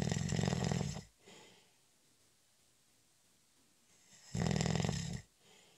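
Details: Snoring during a short, light nap: two loud, rough, rattling breaths in, with quiet pauses between.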